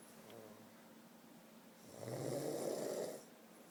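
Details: Snoring recorded close up: one rough, rattling snoring breath against quiet room noise.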